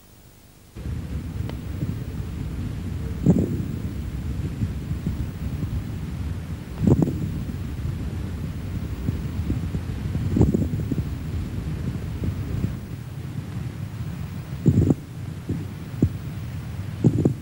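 Low, rumbling breath sounds with coarse, bubbling crackles and a louder burst every few seconds, about 16 breaths a minute. These are coarse moist rales from secretions in the bronchi; they change with coughing and are heard in both breathing in and breathing out.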